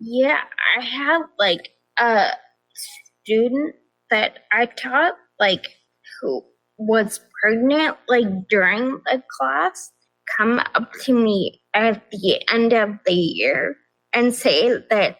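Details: Adult woman with progressive ataxia of still-undiagnosed type despite many genetic tests, onset at age 26, affecting nerves, balance and speech, with nerve pain; mainly a wheelchair user: ataxic dysarthria.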